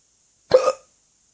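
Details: A single short, abrupt voiced hiccup in silence from a drunk person; hiccup.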